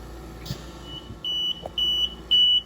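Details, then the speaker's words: Invacare oxygen concentrator with the outlet covered by a finger to simulate kinked tubing, flow ball dropping to zero: repeated high-pitched beeps over machine hum, the kinked-tubing alarm, while the light stays green. "So you can see here, this is going to start beeping at you like this when you have a kinked tubing."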